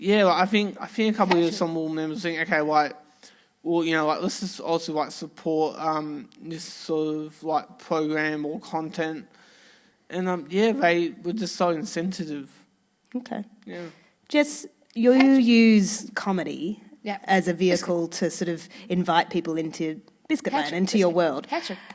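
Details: Woman with Tourette syndrome whose frequent vocal tics are especially the words "biscuit" and "hedgehog"; several times a day her tics intensify until she loses control of her body and speech. Vocal tic (Tourette syndrome).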